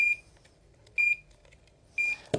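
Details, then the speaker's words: Three regular high-pitched beeps about once a second, then a click: an LVAD controller alarming as one battery is disconnected at the start of a controller change, in an EMS training demonstration. "so disconnect one of the batteries and attach it it's going to alarm"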